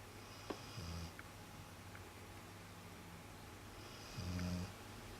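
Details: Snoring during sleep: two low rumbling snores on the in-breath about three seconds apart, over quiet room noise.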